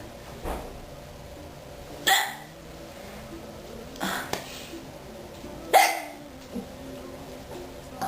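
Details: A person with a hiccup attack: four sharp, gulping hiccups at irregular intervals over about eight seconds, with faint room noise.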